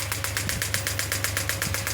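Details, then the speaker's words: Pneumatic (air-compression) extracorporeal radial shockwave therapy device firing as it is started by button press, energy raised from 3 to 10 bar (high): rapid, regular mechanical pulses over a steady motor hum. "I have to uh start the same from pressing this button you can see I'm getting the shock W you can see the movement of my hand"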